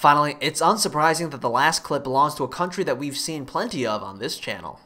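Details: Adult male narrator; Normal voice.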